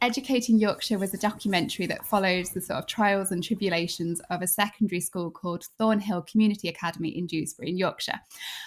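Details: Adult woman speaking; normal fluent speech.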